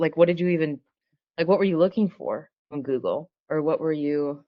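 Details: Adult speaker (interviewer); normal speech.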